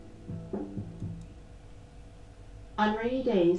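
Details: Simulated steeply sloping moderate high-frequency hearing loss: music with vocals ("on rainy days people say what a dull gray day") sounds muffled, treble stripped away.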